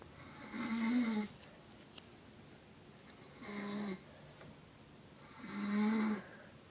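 Three loud, rumbling snores on in-breaths, roughly every two and a half seconds, in a quiet room; snoring.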